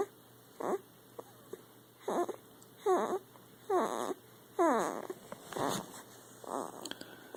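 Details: Sleeping animal snoring while dreaming: short, regular snoring snorts about once a second, some with a squeaky, whistling edge.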